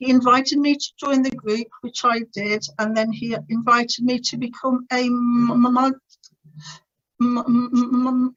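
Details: Adult woman's stuttering (stammer) since about age three, described as uncontrollably bad, with teenage years when she could hardly put two words together; later attended the Starfish Project speech therapy course to gain control.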